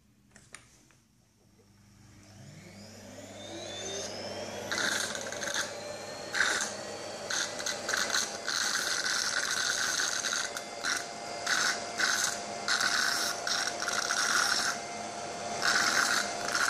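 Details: Nosiboo electric nasal aspirator with Colibri tip drawing up 10 ml water and 10 ml strong hair gel simulating a child's nasal secretions: motor rises to a steady whir with intermittent gurgling suction bursts.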